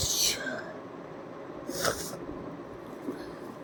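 Two sharp, hissing bursts over steady room noise, typical of sneezes, here done on purpose.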